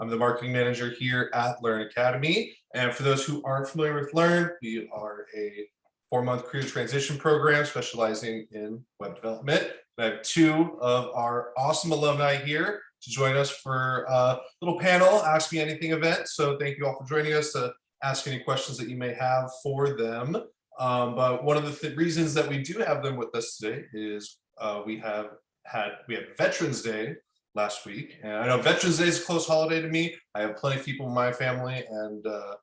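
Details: Adult speaker; typical speech.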